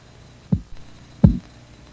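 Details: Two soft low taps about 0.7 seconds apart through a stethoscope as the blood pressure cuff deflates; practice sample for reading systolic (first sound) and diastolic (last sound) pressure by auscultation; Korotkoff sounds, 1997 first-aid training.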